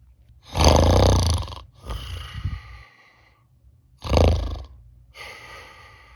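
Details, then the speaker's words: Imitated snoring with the mouth fully sealed by an anti-mouth-opening band: two loud, low rattling inspiratory snores, each followed by a softer exhalation, vibrating through both mouth and nose; the band has minimal effect. "입 벌린 방지 밴드로 입을 완전히 막고 코를 꼬아 봅니다 [음악] 입과 코에서 모두 진동하며 효과는 미미합니다"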